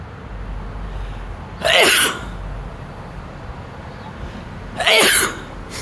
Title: Frito lay truck #truck #sneezing #ruffles